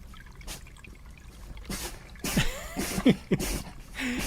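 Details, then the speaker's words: Several short, sharp bursts of sneezing from a young badger cub, recorded on an outdoor wildlife livestream amid outdoor sounds; sneeze. "éternue le petit bonhomme. C'est tellement agréable, et..."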